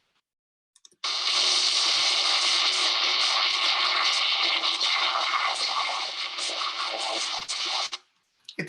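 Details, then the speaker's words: Simulated cochlear implant hearing of a complex electronic music piece: dense, hissy, smeared sound with no clear pitch or melody, perceived worse than simpler tracks: cochlear implant simulation of music. "vamos a ver un estímulo que es más complejo ya en este caso tenemos una pieza de electrónica y veamos cómo se percibe"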